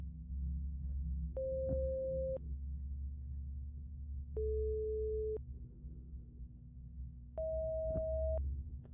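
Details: Simulated hearing test in an ASMR roleplay: three steady pure beep tones, about a second each at different pitches, over a low background hum, presented first to both ears during pure tone audiometry.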